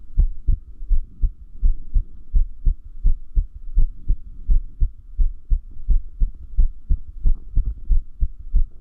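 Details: Irregular heartbeat sound, arrhythmia said to increase with lack of sleep: loud low heart thumps near 85 a minute with uneven spacing between beats.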